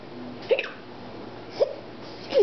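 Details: Simulated hiccups, a person pretending to hiccup at the dinner table: three short, abrupt voiced catches about a second apart over quiet room noise; hiccups.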